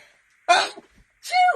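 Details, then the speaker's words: Two short, harsh throat-clearing coughs from an adult woman struggling with hay fever through the day and evening. "excuse me oh dear I've struggled today with hay fever"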